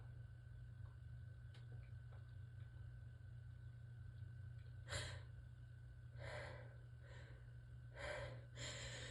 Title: Relaxed sneezes pt. 2 - finally got pt. 1’s tickle unstuck!